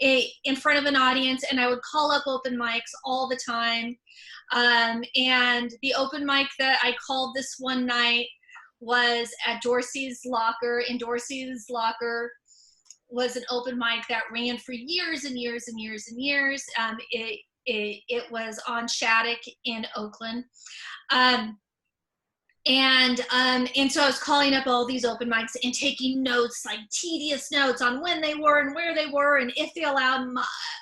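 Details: Stuttering in an adult woman speaking spontaneously; she says most of her stutters are repetitions, sometimes blocks.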